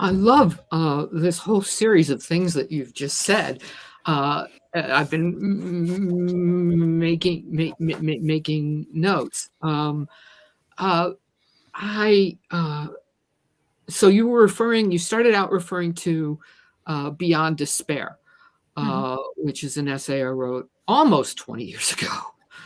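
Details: Adult woman who stutters and describes herself as a person with a disability; word repetitions heard in her speech; stuttering.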